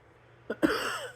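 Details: Two quick coughs in close succession, the second louder with a brief rough tail.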